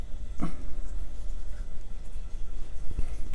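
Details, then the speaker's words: A single quick, soft, ordinary one-off sneeze from a cat in the background of a quiet room: cat sneeze. "know when you hear the cat sneeze in the background and you're just like excuse you"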